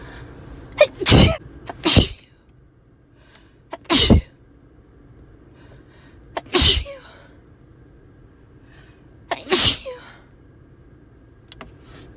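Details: Person sneezing uncontrollably in a car: about six sharp explosive sneezes in quick irregular succession, some preceded by a brief inhaled catch; repeated sneezing.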